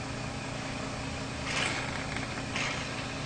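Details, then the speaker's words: Portable suction machine tested before tracheostomy suctioning: a steady motor hum and hiss, with louder slurping surges as the catheter tip draws normal saline while a thumb covers the catheter opening. "I will test that my suction catheter that my suction is working by putting the tip of my suction catheter in my normal saline with the thumb of my non-dominant hand I will cover the opening of the suction catheter"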